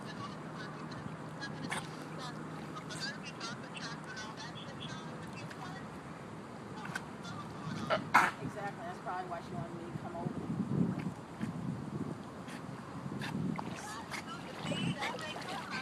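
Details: Harsh, goose-like honking coughs, described as coughing like a duck, from a dog choking at a dog park swimming lake while playing frisbee; outdoor noise, water and distant voices behind.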